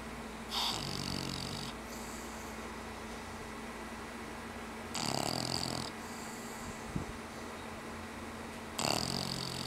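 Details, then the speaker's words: A sleeping pet, likely a dog, napping after playtime gives three rough, snorting snores about four seconds apart over a steady low room hum. "And that was your momentary snore break."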